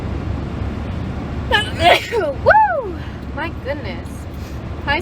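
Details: Sneezing fit from allergies: sudden forceful sneezes with sharp inbreaths and vocal release, plus sniffles and nose blowing, over steady background rumble.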